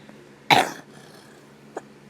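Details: Person who says they have a cough gives a single short cough, followed by a faint click in a quiet room; a plain cough.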